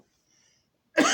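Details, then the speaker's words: Adult with an ongoing cough: near-silence, then one sudden loud cough burst, cut off at the end; an ordinary cough. "please excuse me about that cough. I know that sounds very nasty. I'm so sorry."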